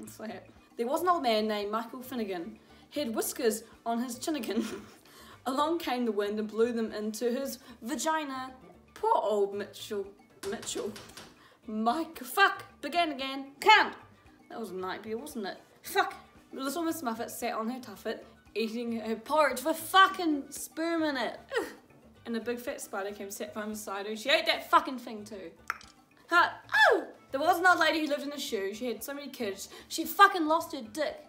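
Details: Teenager with Tourette syndrome reading nursery rhymes aloud: involuntary vocal tics, including swearing and inserted words, interrupting the reading.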